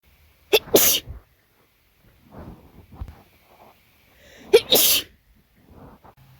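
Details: Very wet sneezes after a party: two loud, wet, explosive sneezes, each led in by a quick sharp intake, with quiet breathing and sniffing between.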